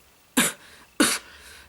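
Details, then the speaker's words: Two dry, harsh coughs about half a second apart from a woman who describes having a very, very bad cough. "I was going to talk to a mental health support group but I always had a very very bad cough"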